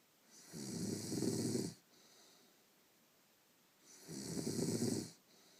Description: snores in her sleep